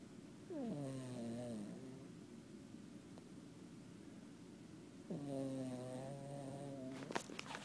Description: Matilda, our foster cat, snores.